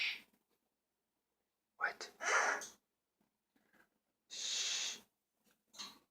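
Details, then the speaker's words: Child coughing at bedtime while unable to settle, with a cold, runny nose and a bad cough; cough. "We're gonna have to get you something for that cold. If you keep coughing like that."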